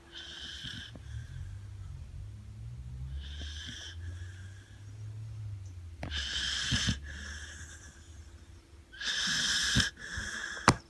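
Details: Sleeping Labrador x Blue Cattle Dog mix with low rumbling breaths that have a hissing, whistling edge, recurring every few seconds at about 15 a minute; dog snoring.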